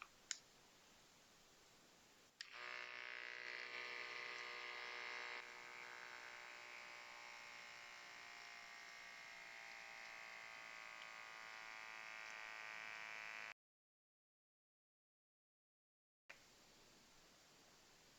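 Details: Checkme BP2 rechargeable automatic upper-arm blood pressure monitor, seated with feet flat and cuff level with heart: a click after pressing start, then a steady pump whine for about eleven seconds as the cuff inflates.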